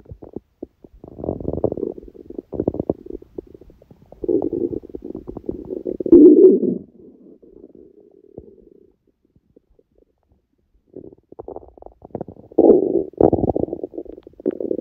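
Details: Hunger bowel sounds (borborygmi): gurgling, rumbling stomach sounds in irregular bursts with quiet gaps.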